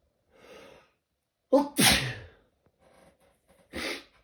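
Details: Person sneezing repeatedly all day, bouts every 20–30 minutes: sharp inhaled gasp, then a loud explosive sneeze and a second sneeze.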